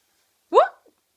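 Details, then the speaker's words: A 2-year-old child pretending to be a robot gives a single sudden, sharp, voiced hiccup that rises briefly in pitch and then cuts off, in a quiet room: a hiccup. "we have a hiccup you have the hiccups yeah uh-oh is that what robots get the hiccups yeah is that why you have the hiccups cuz you're a robot"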